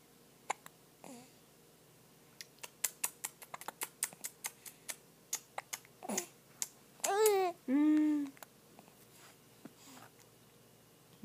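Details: A baby with the hiccups: a run of short, sharp catches, followed by brief fussy vocal sounds; infant hiccups.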